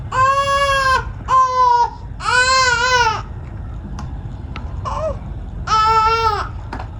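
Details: A young child in a rural house cries in loud, tonal wails with short pauses between them, over a low background rumble; child crying.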